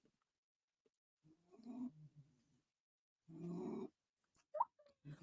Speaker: my dog's snoring okay